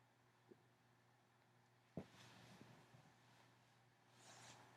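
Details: Female allergy sneezing fit, mostly stifled: one sharp, muffled burst and a few faint catches and sniffs in a quiet room, as held-in sneezes with sniffling.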